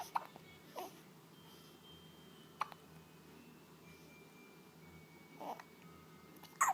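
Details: Infant's hiccups: soft, brief hiccup sounds at irregular intervals, about five in seven seconds, in a quiet room; hiccups.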